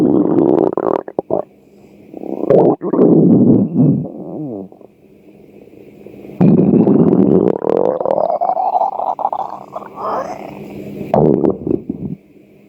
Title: Açlık sesleri 2 - stomach growl-